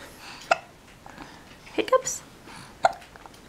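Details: Hiccups: three short, abrupt catches over a few seconds with faint room sounds.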